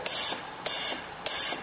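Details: High-frequency jet ventilator running during an anaesthetic jet ventilation demonstration, preset at about 100 breaths per minute, FiO2 100% and about 1 bar pressure: repeated sharp hissing gas bursts, about three in under two seconds.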